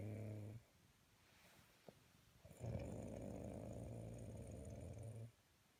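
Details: A sleeping man (dad) snores while a kitten kneads on him: a loud, low rattling snore on the in-breath, with a quiet pause between breaths, ordinary sleep snoring.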